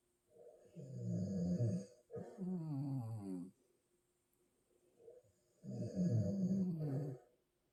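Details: Husband and a second sleeper snoring at the same time: two long, low, rattling snores, each a buzzing intake of breath followed by a quiet pause; ordinary snoring.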